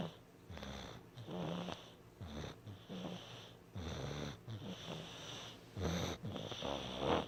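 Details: A sick, congested pet with a cold, snores interrupted by mouth breathing, during a quieter moment than earlier that afternoon: rapid, wet, snuffly, whistling snoring, about one snore each second.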